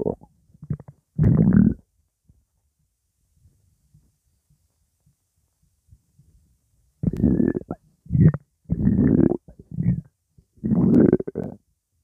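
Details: Several loud, low gurgling rumbles separated by quiet pauses, non-stop active bowel sounds (borborygmi), with music in the background.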